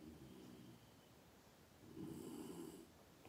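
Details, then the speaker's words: Dog snoring, heard while people talk. "stop snoring. If the dog will snore for you. If you hear the snoring of the dog."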